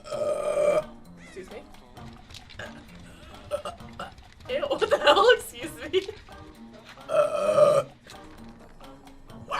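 Several long, loud, rumbling belches with speech and music in the background.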